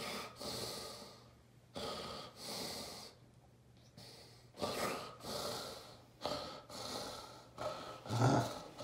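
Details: Adult man during a generalized tonic-clonic (grand mal) seizure preceded by déjà vu aura, kept on his side: loud harsh gasping, snoring breaths in irregular bursts; stertorous, labored breathing.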